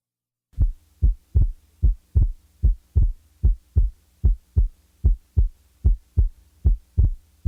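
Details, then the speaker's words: Heart sounds at base left with diaphragm chest piece, about 75 beats a minute: second sound split on inspiration, single on expiration; physiological split second heart sound, normal finding. "the second sound will be split upon inspiration and usually will be heard as single on expiration the physiologic split second is heard best at base left with the diaphragm chest piece"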